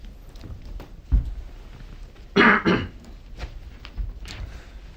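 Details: Two harsh adult coughs close together after a softer throat-clear, in a quiet exam room; the doctor noted disturbed breath sounds at the right upper chest, and the patient reports chills and fevers at night; cough.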